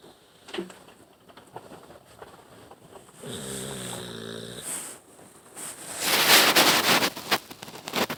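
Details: Eeyore, a sleeping animal, gives a loud, buzzing, vibrating snore on the in-breath followed by a noisy snorting out-breath; snoring.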